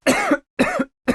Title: coughing for a months or years?